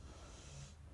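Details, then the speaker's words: A pet dog snoring in the background: a quiet, low rumbling snort with a soft hiss of breath that fades near the end. "by the way my dog is gonna be snoring in the background so those those snores you hear that's just the goose don't worry about the goose"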